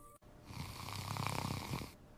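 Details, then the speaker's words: Animated sound effect of snoring: a single rough, fluttering snore on a breath in, illustrating relaxed throat muscles narrowing the airway during sleep. "When sleep starts, my muscles relax. Relaxation is the first step towards snoring."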